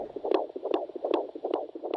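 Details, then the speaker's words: A handheld Doppler picks up rapid whooshing, galloping pulses at roughly 150 a minute during pregnancy, sounding like a galloping horse; fetal heart sounds on Doppler. "traditionally midwives have monitored a fetal heart rate at key stages in the delivery of a baby sounds like a galloping horse"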